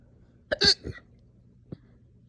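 A sharp gulping hiccup runs straight into a forceful burp, then a smaller hiccup follows a second later in a quiet room: hiccups with belching.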